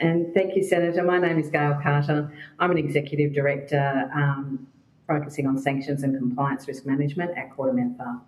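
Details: Adult woman speaking; ordinary speech.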